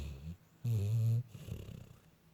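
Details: Sleeping female puppy running in her dreams gives a low, rumbling snort-like breath followed by softer breathing noises; snoring.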